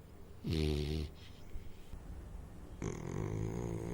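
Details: Sleeping Saint Bernard puppy: a few short, rough snoring breaths against some room noise. Snoring.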